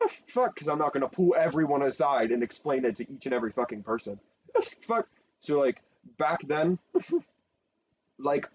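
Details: Speaker with Tourette syndrome talking; frequent censored interjections likely represent vocal tics; vocal tics (Tourette syndrome).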